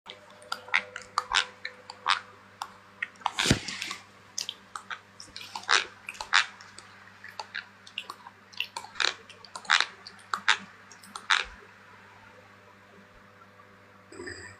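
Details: Sleeping girl with bruxism: irregular bursts of sharp gritty clicking and scraping from teeth grinding.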